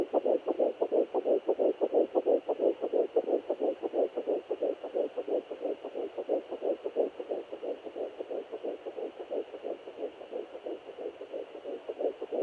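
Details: Fetal heartbeat on Doppler at 9 weeks 5 days of pregnancy: fast, regular whooshing pulses at about 176 beats a minute.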